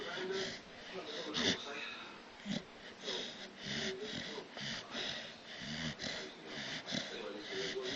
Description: bule the staffy x mastiff snoring